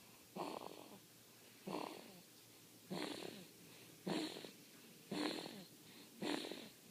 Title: Baby snores